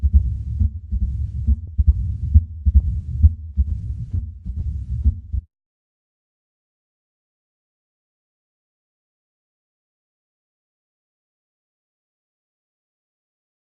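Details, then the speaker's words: Low-pitched heart sounds at about 68 a minute with a low-pitched diastolic rumble, best heard with the stethoscope bell at the cardiac apex; characteristic murmur of mitral stenosis. "Okay. So very characteristic sound for the mitral stenosis murmur. It's a low-pitch, as you heard, diastolic rumble, best heard using the bell of your stethoscope."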